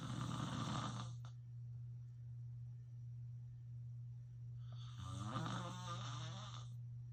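Loud rattling snores on breathing in, about one every four to five seconds, with a steady low hum in the room; ordinary heavy snoring.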